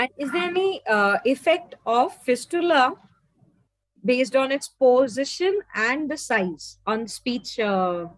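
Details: Adult woman speaking; normal speech.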